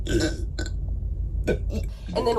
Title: Cute Girl Burping